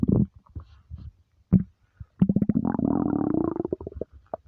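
Deep, drawn-out gurgling rumbles with bubbly pulses from the abdomen; ordinary stomach rumbling from an empty stomach.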